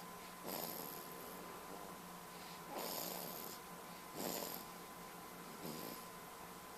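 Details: Four soft, hissing snores at irregular intervals over a steady background hum, recorded with a Flip Video camcorder; ordinary snoring.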